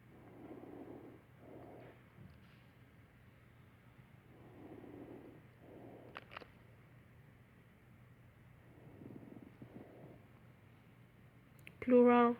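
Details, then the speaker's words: Simulated breathing on a mannequin with soft crackling in each breath: fine crackles, a sign of fluid in small airways. "Normal long sounds. Coarse crackles. Fine crackles."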